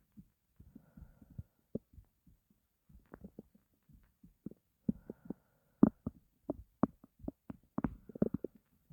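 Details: Stomach growling (borborygmi) from hunger after not eating for a long time: quiet, irregular gurgles and low rumbling pops building over several seconds.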